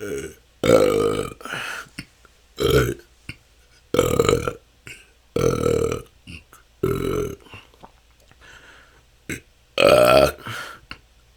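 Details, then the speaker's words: Self-recorded continuous 10-minute session of natural burping with a better microphone; belching is a years-long struggle with hours and hours of stored-up gas. A rapid run of loud, voiced burps, several every few seconds with brief pauses: excessive belching. "that's 10 minutes this can go on for hours this has been my struggle for the last couple of years it seems like somehow didn't let out enough gas and have stored up so much that it just I have hours and hours of gas"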